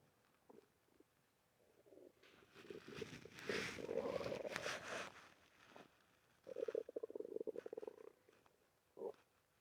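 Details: Stomach rumbling (borborygmi): low gurgling rumbles and fluttering growls in several bursts.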